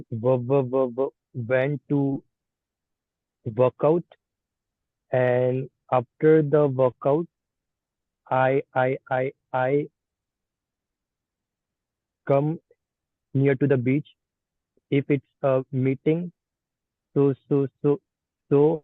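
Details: Participant in an online stammering practice group practising the pull-out and cancellation techniques, with audible repetitions; stuttering.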